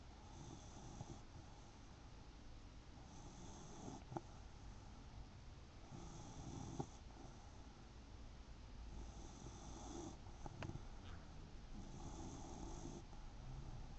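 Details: Soft, low rattling snores repeating with each breath in a quiet room, about five breaths a minute; ordinary snoring from a sleeper the owner calls "my son".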